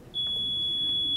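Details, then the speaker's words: Hamilton C2 transport ventilator power-on: steady high-pitched electronic tone after pressing the on/off button, as it powers up and begins its self-test during the pre-use check. "later is gonna make a noise and it's gonna start powering up powering up goes to this screen right here"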